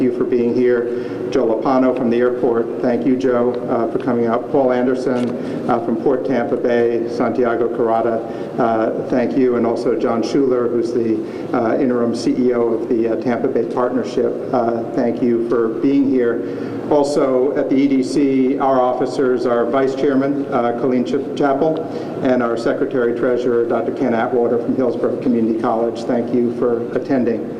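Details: Adult male speaker; Normal speech.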